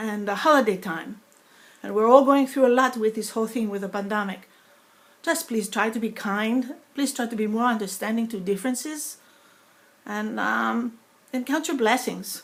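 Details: Woman with foreign accent syndrome after a stroke eight years earlier (2012), speech sounding sometimes Russian or Greek rather than her native New York accent, deficit less evident when speaking faster; foreign accent syndrome.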